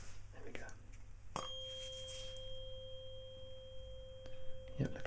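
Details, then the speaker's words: A tuning fork is struck and rings with a steady pure tone, placed on the centre of the forehead for a Weber hearing test in a roleplay cranial nerve exam. "I'm gonna be checking on the center of the forehead okay so I'll be placing this here I want you to tell me when it starts so it stops okay"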